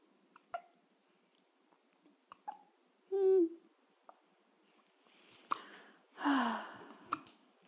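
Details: One-week-old baby girl with hiccups: several brief sharp catches spaced a few seconds apart with small voiced squeaks, in a quiet room; hiccups.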